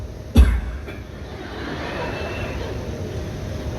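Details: Adult man speaking to a university audience gives a single deliberate cough as a comic gag, having said he coughs whenever he lies, followed by hall noise; voluntary cough.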